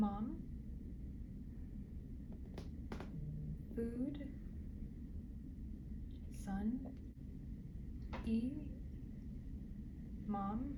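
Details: Role-played 60-year-old right-handed woman after left hemisphere ischemic stroke, picture description on BDAE-3; one- to two-word phrases with pauses, impaired naming, reading and writing; Broca's aphasia (non-fluent aphasia).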